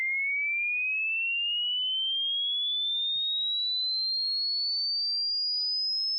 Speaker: So the trick is that make sure to pause the video when you stop hearing the sound and write it down in the comment section and let's see how old your ear really is.